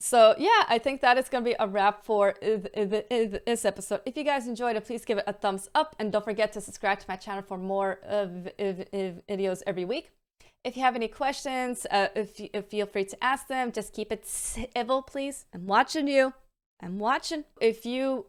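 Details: Adult woman with a self-reported stammer (stuttering) that worsens on bad stammer days and with stress and strains her voice.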